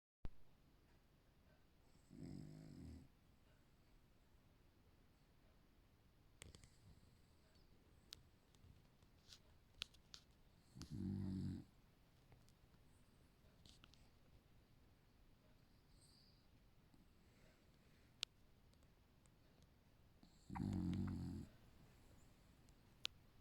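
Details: A dog sleeping soundly in a quiet room gives three low, rumbling snores about nine seconds apart: snoring.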